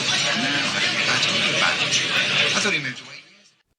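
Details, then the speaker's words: Busy café babble with overlapping voices and clinks, simulating how a patient with a mild ACT value of 5 dB nCL hears noise through a hearing aid set for light noise reduction. "dans ce cas sarah a une valeur Act légère de 5 dbncl elle a donc moins besoin de traitement de signal dans son appareil auditif pour gérer les bruits écoutons comment çaave le bruit dans son café"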